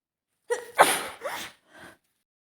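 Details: Female sneezing all day, fears another cold coming on; a single sneeze: short voiced in-breath, explosive burst of air, faint after-sound.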